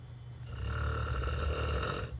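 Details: Terrible snoring heard while traveling, loud enough that the listener couldn't sleep: one loud, deep, rattling snore lasting about two seconds; heavy snoring.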